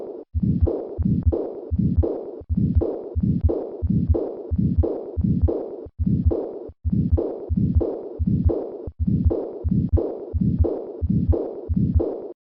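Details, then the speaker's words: Severe aortic regurgitation with a systolic flow murmur: a regular heartbeat at about 87 a minute with murmur filling much of each cycle. "Listen once again to a patient with severe aortic regurgitation and a systolic flow murmur."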